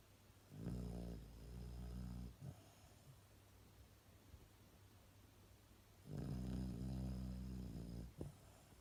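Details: Dog: two long, rumbling, buzzy snores, each about two seconds, with a short snort after each, separated by quiet breathing; snoring.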